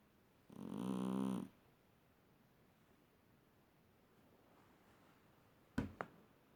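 One short, buzzing snore, then quiet breathing and a couple of brief clicks; a sleeping cat snoring.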